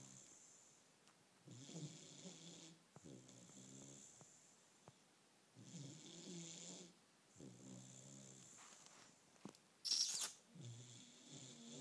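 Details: Bullmastiff puppy asleep: soft, fluttering snores, about ten breaths a minute, with a steady high background hiss; puppy snoring.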